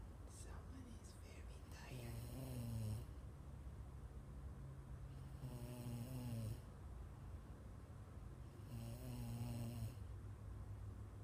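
Three rattling snores with a faint whistling edge, roughly 16 breaths a minute, over steady background hiss; regular snoring.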